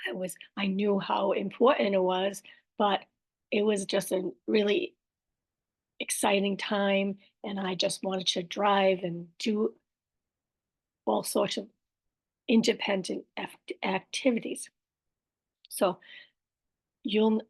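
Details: Aphasia with apraxia of speech and dysarthria after a stroke in an adult woman, with word-finding errors, repetitions and self-corrections.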